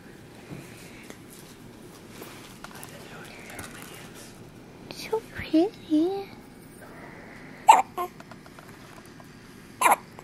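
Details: A baby's first hiccups: short, abrupt hiccup sounds, a few in a row, with soft vocal sounds between them in a quiet room.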